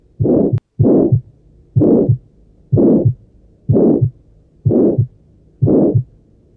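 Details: Regular heartbeat near 62 a minute with a loud harsh murmur filling each systole between the two heart sounds; aortic stenosis auscultation.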